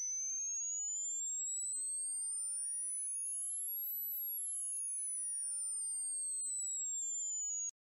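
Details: Uncalibrated demonstration tinnitus test with a pure tone: a single high-pitched tone slowly glides upward then back down, as in tinnitus pitch matching.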